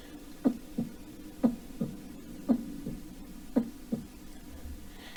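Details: Cardiac arrest in hypokalemia (vocal imitation).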